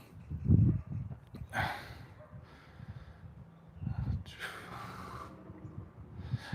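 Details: Penning and sorting horse during a chiropractic session: two forceful, noisy nasal blows amid low handling noise; snorting.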